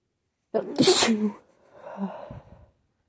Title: Teasing induced sneezes, buildups, and attempted stifles